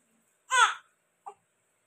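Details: Newborn baby just after birth delivery, first cry, said to be hungry: one short, strong cry followed by a brief softer whimper; a normal vigorous newborn cry.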